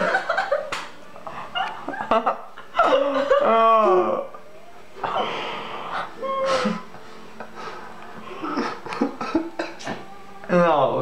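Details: A man laughs helplessly between sudden, sharp hiccups, with small-room echo: hiccups.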